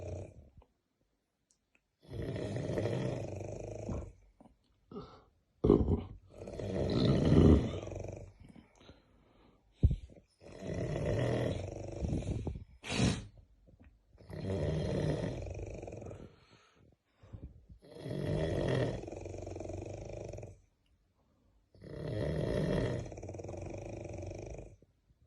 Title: SNORING LIKE HELICOPTER SOUND#గురక